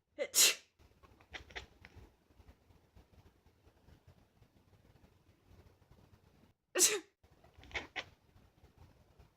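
Two loud, sharp sneezes several seconds apart, each followed by a few short, soft, quacking calls from a cat.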